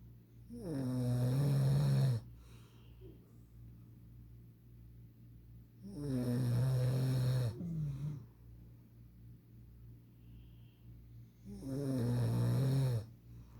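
Three long, loud, fluttering snores roughly every five to six seconds with quiet breathing between: steady snoring, about eleven breaths a minute.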